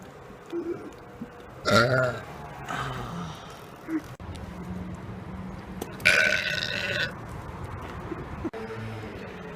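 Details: Two loud, drawn-out voiced burps over faint background noise, made deliberately as a public burping prank; burping.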